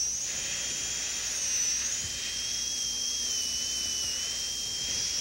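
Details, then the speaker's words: Dental drill with a diamond bur reducing the lingual cusp occlusal surface of a maxillary second bicuspid during preparation for a porcelain-fused-to-gold veneer: steady high-pitched whine with slight pitch dips as it meets tooth. "we're going to switch to a WM 1m diamond to reduce that slightly"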